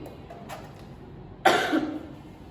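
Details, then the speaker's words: Simulated cough demonstrating correct cough etiquette for tuberculosis, covering mouth and nose with tissue or inner elbow: a single muffled cough into the covering; acted cough. "Berikut adalah contoh penerapan etika batuk yang benar"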